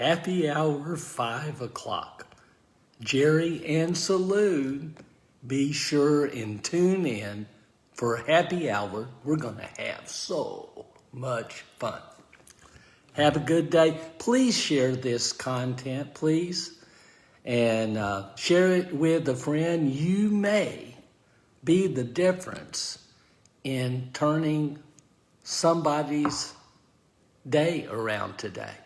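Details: Aphasia following stroke in an adult man, speaking live.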